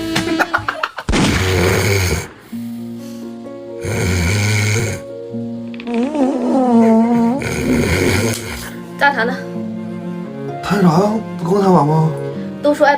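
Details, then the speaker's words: Simulated snoring in an acted comedy skit with music: loud, exaggerated snoring and snorting bursts from a boyfriend, described as engine-like snoring that sometimes suddenly cuts out; snoring. "充电5分钟，轰鸣2小时，我可安稳不了一点。你的呼噜声跟发动机似的，还时不时咔一下就熄火。"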